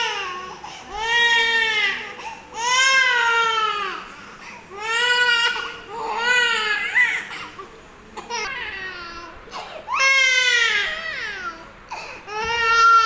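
Loud, tonal crying in repeated wails of about a second each, with breaths between; ordinary child crying in a small room.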